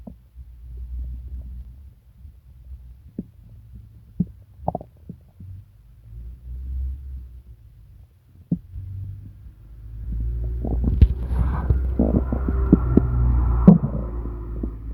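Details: Stomach rumbling (borborygmi) during an upset stomach with several days of pain, diarrhea and nausea: quiet gurgles building into a long, deep growling rumble toward the end.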